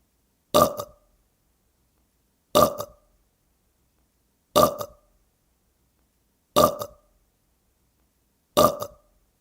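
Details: Burp sound effect: five identical short burps from one repeated recording, evenly spaced about two seconds apart.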